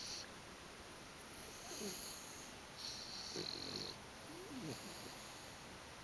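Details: Dog snoring during sleep: soft, quick, wheezy snuffling breaths against a hissy background, light snoring.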